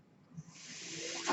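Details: The speaker's own home mechanical ventilator: a soft airy hiss builds steadily over about a second, the rush of air of a delivered breath.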